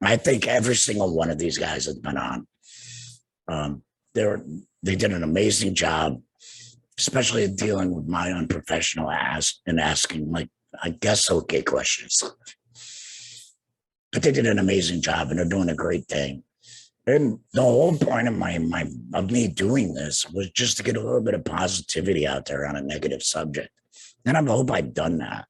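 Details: Adult man, two years after total laryngectomy for cancer treated with radiation and chemotherapy, with no larynx and breathing through a neck stoma, speaking with a tracheoesophageal puncture (TEP) voice prosthesis and using an HME: tracheoesophageal speech after total laryngectomy.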